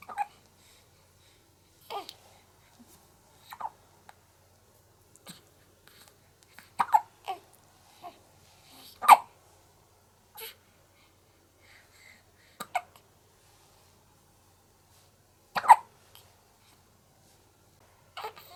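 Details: One-month-old baby girl with short, sharp hiccups recurring every couple of seconds in a quiet room after breastfeeding, while fighting drowsiness; hiccups.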